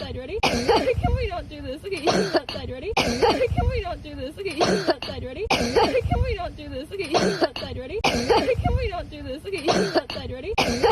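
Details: Dog: repeated harsh coughing bursts about every few seconds, with a person talking over them and the stretch seemingly repeating; cough.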